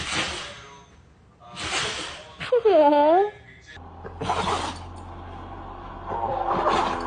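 Repeated sharp, hissing nasal bursts from a dog, with a brief whining squeal between them; a run of sneezes.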